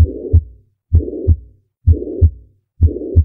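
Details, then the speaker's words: Regular heartbeat near 64 per minute with a steady blowing holosystolic murmur between heart sounds, heard best at the apex: mitral regurgitation, as from myocardial infarction causing valve pathology. "for example when we see a case of myocardial infarction causing valvular pathology we'll hear this for mitral regurgitation a holosystolic murmur heard best at the apex listen"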